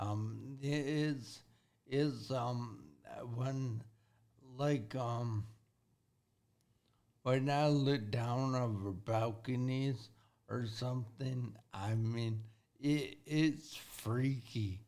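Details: Acquired speech impairment in a 40-year-old man with severe traumatic brain injury from a car accident at 19, about 21 years earlier. The injury affected his thinking, processing time and speaking speed. He relearned to talk and has had speech therapy.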